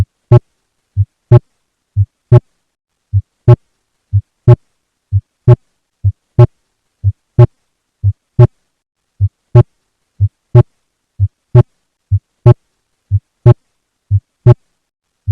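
Regular heart sounds at about 60 a minute, with a soft first sound and a louder second sound.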